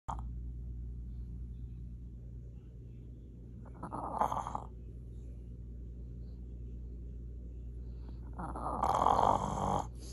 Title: Dog Sleeping With a Ball in His Mouth and Snores